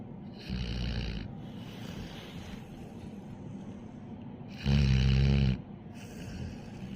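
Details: Sleeping dog snoring: two loud, rumbling snores with a quieter breath between them; snoring.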